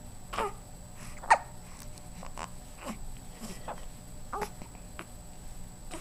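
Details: Hiccups in a 13-day-old infant during tummy time, which the baby dislikes: repeated brief, abrupt catches about every second over steady room noise.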